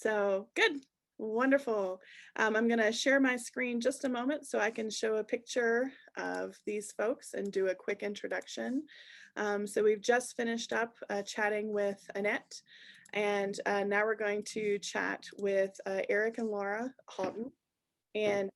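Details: Adult woman speaking; Normal speech.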